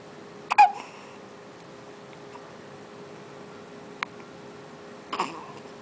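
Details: A 1-month-old baby boy with hiccups: a few brief, sharp gulping sounds spaced seconds apart in a quiet room; infant hiccups.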